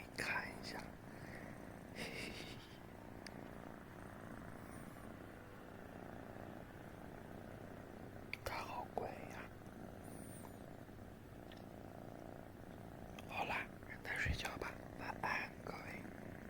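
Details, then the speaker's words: At half past midnight, a resting cat purrs with a steady, low, contented rumble, with a few brief soft noises. "家人们，这会儿是晚上12点半，给你们听听猫猫打呼噜的声音。"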